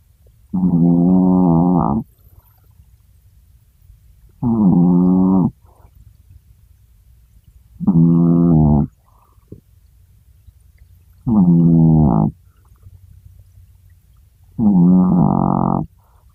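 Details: Chihuahua (Holden) sleeping: five loud, droning, honk-like snores at about 18 a minute, very regular and surprisingly deep for a tiny dog; ordinary sleep snoring.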